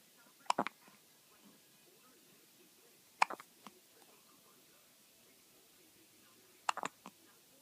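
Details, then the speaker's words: Three brief, sharp hiccup bursts a few seconds apart in a quiet room, from one with hiccups who looks to mom; repeated hiccups. "You got hiccups? Oh. Oh, yay! Maybe."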